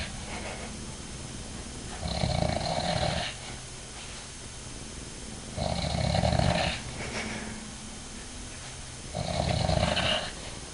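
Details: Three loud, rough snores on each in-breath, about every 3.5 seconds (~17 breaths/min), over room hum, from a sleeping adult man (father); snoring.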